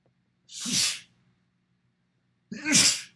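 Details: Two sharp, explosive sneezes about two seconds apart, each with a quick intake before the burst; sneezes recorded in a mirror, cut together into a compilation.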